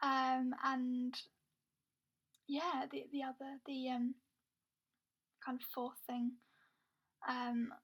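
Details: Woman with a stammer involving blocks where no air gets through and a long time to get words out; she is also blind; stuttering (stammering).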